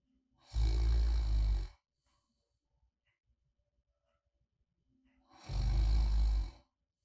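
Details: Two long, deep, rattling inspiratory snores with quiet pauses in a silent room; light snoring in deep sleep, recorded as a snoring ASMR sleep sound.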